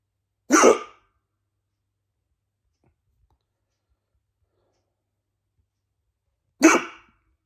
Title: Bad hiccups for chrismas